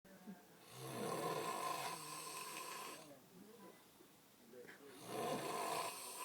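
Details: Person snoring while asleep in a tent: two long, rough, buzzing inward breaths separated by a quieter outward breath; steady snoring.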